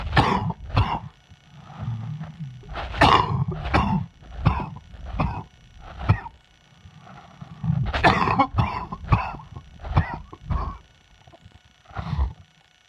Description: More of the summer chest cold...enjoy!!